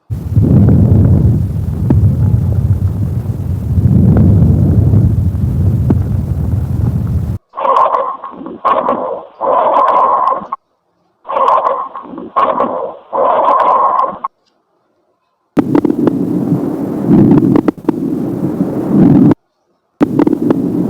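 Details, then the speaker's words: Normal breath sounds in an adult male patient, heard with the stethoscope diaphragm over the posterior thorax during slow, deep breaths; muffled, with no added sounds. "Pemeriksaan auskultasi suara nafas, kita dengarkan suara nafas pasien dengan meletakkan diafragma stetoskop di setiap titik lokasi."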